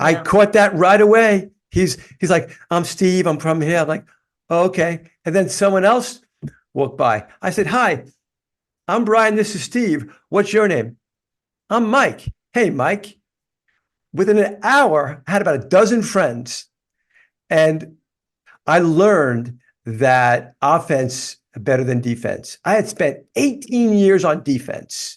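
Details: Adult man with lifelong stuttering, which he describes as a neurological condition that worsens when he is tired; stuttering.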